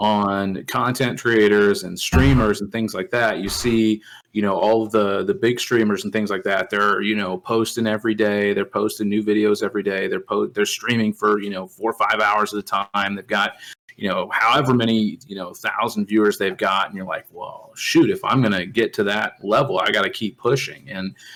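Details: Adult male speaker; normal speech.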